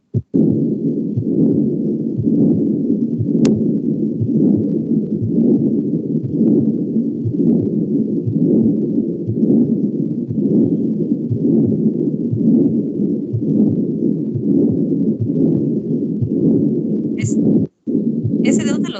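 Loud, continuous rumbling murmur filling both phases of each beat, about 60 beats a minute, like a steam engine: patent ductus arteriosus machinery murmur.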